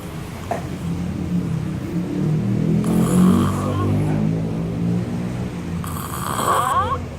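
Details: Adult man snoring in Koh Samui: continuous low, rumbling, fluttering breath noise during sleep with some background noise.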